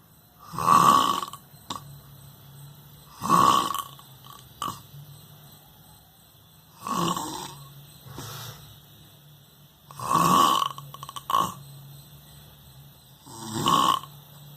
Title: 👉👉Worlds best snoring 👉😮